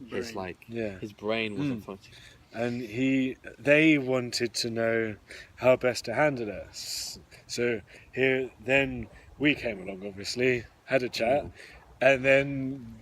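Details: Adult who stammers, one of the hosts of a stammering podcast, openly disclosing the stammer. Stuttering.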